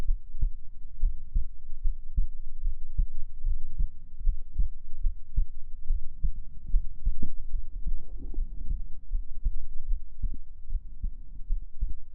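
Steady, soft low thumps at roughly 75 beats a minute over a faint hum: a regular, normal heartbeat.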